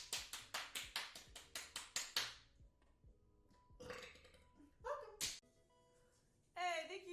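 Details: Burp compilation: a rapid run of sharp taps, then several throaty burps ending in a drawn-out voiced belch, in a quiet room.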